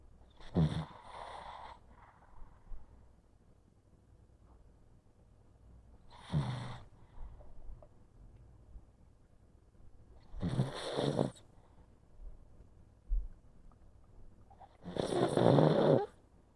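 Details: Awake, very relaxed pug breathing heavily, which is rare for him: slow, heavy, snoring-like snorts, about four noisy breaths in sixteen seconds.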